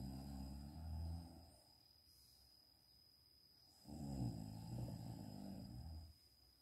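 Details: Two low, rumbling, vibrating breaths separated by a quiet exhale from a mother sleeping in the daytime, faint background tone; snoring.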